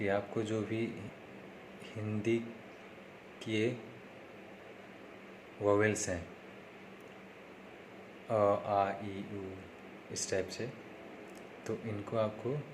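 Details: Male with self-reported stammering, following speech therapy tips in a daily practice series, day 3; stuttering.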